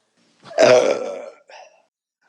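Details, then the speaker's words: One long, loud, drawn-out burp followed by a brief second one, from a bloated woman after drinking many beers; burping. "Oh, I can't get it out, but I feel so much pressure. Oh, I can feel it. It's trying to come up."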